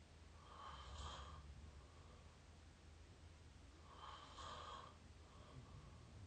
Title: up close mouth snoring pt 5